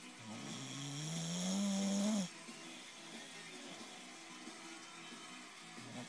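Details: Sleeping bulldog in bed snoring loudly: one long, loud, rising snore with a rattly, wheezy edge, followed by quieter breathing noise.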